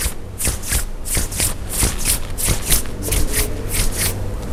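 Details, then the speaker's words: Imitated pericardial friction rub of acute pericarditis: paired scratchy, rustling to-and-fro bursts in systole and diastole, about every 0.6 seconds. "When there is inflammation in the pericardium in acute pericarditis, the sliding of these layers on each other will produce sound. This will be a scratching sound, or it's called to and fro sound."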